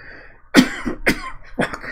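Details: Smoke season affecting a man with asthma/COPD, who says his lungs are not stable: three short, harsh coughs in quick succession in a quiet room; cough.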